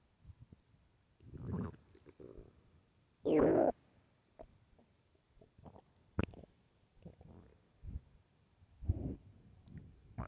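Irregular gurgling and rumbling bursts, one louder squelching growl, with quiet gaps between: ordinary hunger-related stomach growling (borborygmi).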